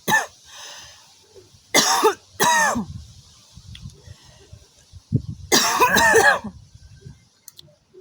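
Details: Loud, harsh coughing bursts and throat clearing with wet, phlegmy hocking and frequent spitting from a young woman smoking outdoors; a productive smoker's cough; wet cough with throat clearing.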